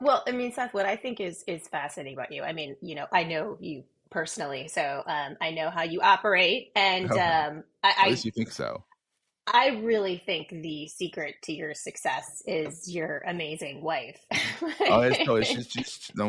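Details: Adult woman speaking; normal speech.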